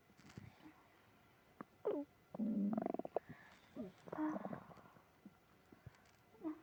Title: tummy trouble after eating ice cream (stomach growling, moaning)